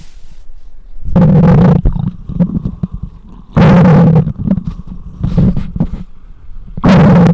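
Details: Loud, low rumbling gurgles in several long bursts with bubbling between them, picked up by a microphone right at the belly; ordinary stomach growling (borborygmi).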